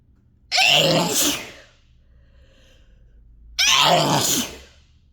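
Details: Two loud, forceful, harsh sneezes about three seconds apart, induced by chhinkni sneezing powder; the sneezes were hard enough to make the throat sore.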